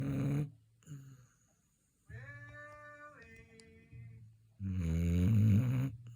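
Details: Snoring from a Labrador retriever (owner asks whether it is the dog or mother): low, rumbling snorts on each breath in, with a whistly nasal tone on the breath out; sleeping dog snoring.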